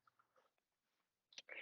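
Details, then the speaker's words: Faint soft clicks then loud crackling crunches over the chest, Hamman's sign, heard at end of diastole as the heart strikes air-filled tissue. "es es el crepito que se escucha al final de la diástole cuando el corazón se expande y choca contra tejidos que tienen que están enfisematosos Y pues llenos de aire"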